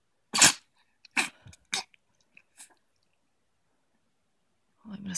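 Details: Sneezing: several sharp, explosive bursts of air in quick succession, occurring around when a bloody piece of grass, apparently stuck in the nose, came out.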